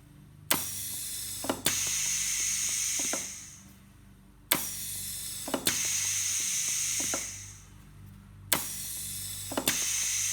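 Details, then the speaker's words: Open-source emergency ventilator prototype demonstration: repeating pneumatic cycles, a valve click then a long hiss of air, about 15 breaths a minute, with air delivered smoothly across the inspiration time; ventilator cycling. "that's important too because if you deplete all at once you're actually increasing the pressure on the patient at the beginning of the breath cycle and there's nothing left at the end of the breath cycle"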